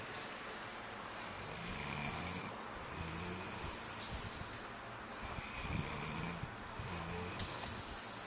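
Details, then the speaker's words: Two sleepers, a child and his father, snoring together, recorded on a Flip Video camcorder: repeated rattling snores with each breath in, overlapping, soft room noise; ordinary snoring. "This is both of my babies snoring. They're both snoring away."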